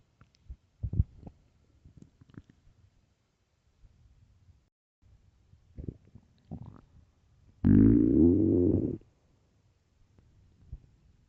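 Quiet scattered gurgles and one loud, sustained rumbling growl lasting over a second; ordinary stomach growling from gas and fluid moving through the bowel.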